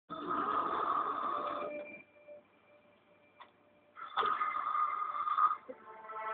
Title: Elephant snoring man returns